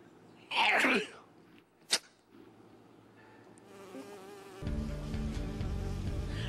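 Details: Adult woman, the mother on a reality TV show, gives a single loud voiced sneeze, followed by a brief sharp sound and rising background music.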